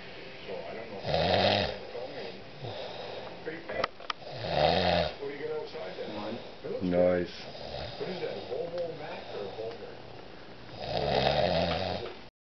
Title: snoring